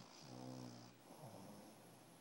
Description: Snoring shih tzu puppy~ this for my son who is away at college and missing his pup.